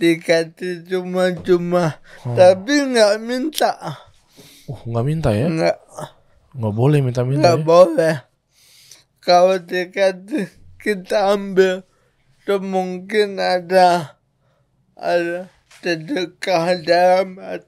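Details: Adult man born in 1987 with cerebral palsy from birth, attributed to a birth injury during a breech delivery and described as severe; he could not walk until age 9; real speech; dysarthria (cerebral palsy).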